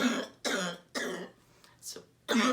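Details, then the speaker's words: COVID-19 patient on day 23, right lung pneumonia diagnosed day 21, right lung refilling about six hours after airway clearance: four harsh, throaty cough bursts with a short breath between them. "my right lung is filled up again we did this about 10 o'clock this morning it's now 4:00 in the afternoon our time so in about six hours it really did and I could tell out there I was starting to cough more and couldn't take his big of a inspiration and inspire like inhale"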